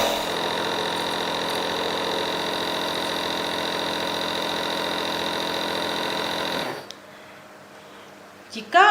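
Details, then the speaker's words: Nebulizer compressor fitted with medication and mask, demonstrated by a nursing student: steady buzzing hum while mist comes from the mask, then it stops and the room goes quiet. "begini kita pastikan dulu sampai terlihat uap yang keluar dari masker"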